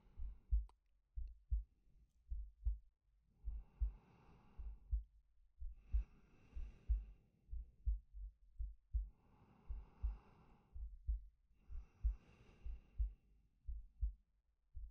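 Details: Regular soft heartbeats about 62 a minute with slow, quiet breaths in and out over them, from a male ASMR sleep-aid recording; a normal heartbeat with breathing.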